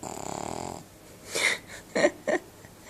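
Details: Buzzing, fluttering breath then short snorty nasal breaths from a Cavalier King Charles Spaniel dog fast asleep while someone tries to wake him; snoring.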